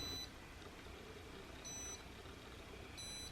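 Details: Short high beeps about every one and a half seconds over room noise, each marking a pulse from a home diode laser hair removal device (DermRays V8S) treating the upper lip area.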